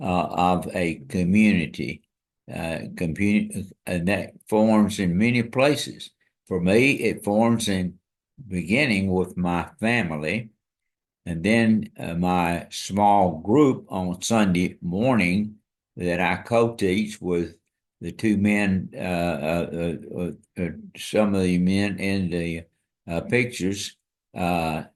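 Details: Dysarthria from ALS in an adult man diagnosed February 2024 after earlier diagnoses of Parkinsonism, Parkinson's disease, spastic paraplegia and primary lateral sclerosis; his walking and speech are failing and hand use is limited.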